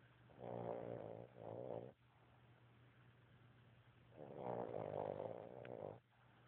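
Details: English bulldog asleep: rumbling snores in slow pairs, each breath stretched and throaty with quiet pauses between; snoring.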